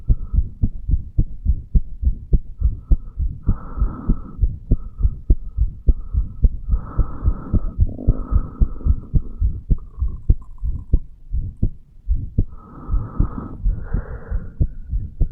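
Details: Heartbeat of a 35-year-old male recorded at the bicuspid/mitral valve area: steady, fast low thumping with intermittent whooshing of blood flow; a brief irregular beat is noted around 3:35.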